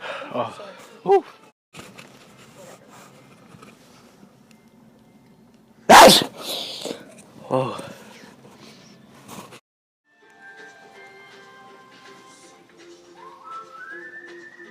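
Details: Person deliberately over-sneezing as a prank in a Target store: one loud, explosive, exaggerated sneeze over shop noise, with voices before and after; simulated sneeze.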